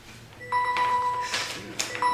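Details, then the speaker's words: Repeated steady electronic alarm tones from a person's diabetic glucose meter going off during a public meeting; the owner says turning it down does not help once it goes off; glucose meter alarm. "Whose phone is that? It's not a phone. It's my meter. My diabetic meter."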